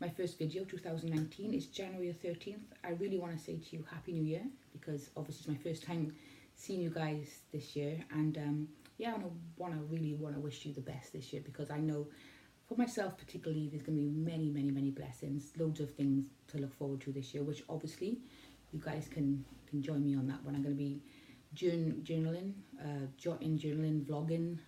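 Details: Acquired word-finding and pronunciation difficulty in an adult woman recovering from autoimmune limbic encephalitis with acquired brain injury, with memory problems and word mixing; being referred to speech therapy.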